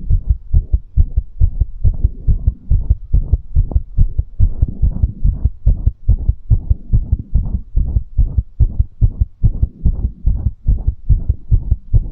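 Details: Tachycardia after exercise, ASMR recording: rapid, regular, strong heartbeat of roughly 140 beats a minute.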